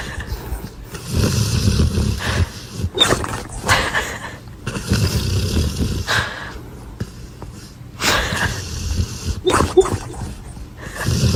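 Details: Dog snoring.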